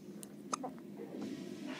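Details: Baby with squeaky hiccups: a single soft, abrupt hiccup catch, then faint breathing, with a hum and quiet talk in the background.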